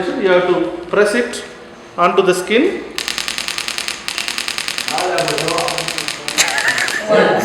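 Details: Radial shock wave therapy unit demonstrated in a physiotherapy electrotherapy practical lesson for chronic muscular pain; rapid sharp clicking bursts as it fires onto the treatment area, with voice between bursts.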